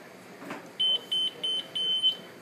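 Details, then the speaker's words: Four short high-pitched beeps from a Zoll E Series defibrillator monitor switching into monitor mode to test Bluetooth pairing with a cell phone for 12-lead transmission; a normal device tone. "At this point they should be paired and then we'll go into testing it which you can do by switching it on to monitor mode."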